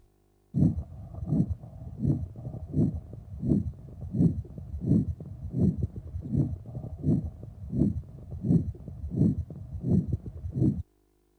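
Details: Regular heart sounds through a stethoscope, about 83 beats per minute, heard during auscultation while checking for a murmur; steady rhythm.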